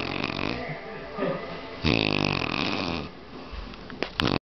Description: The loudest, most unbelievable snoring you have ever heard.